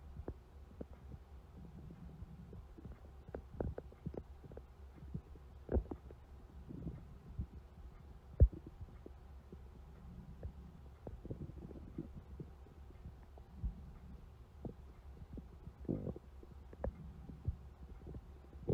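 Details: Stomach growling recurring every few seconds as soft, low gurgles and rumbles over a faint hum; borborygmi.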